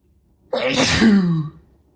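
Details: An adult male's sneeze, deliberately induced after showering: a single explosive voiced sneeze lasting about one second, with a sharp burst and trailing vocal tail.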